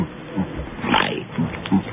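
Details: Man whose larynx was removed (laryngectomy) for throat cancer caused by heavy smoking, speaking by swallowing air and releasing it; esophageal speech.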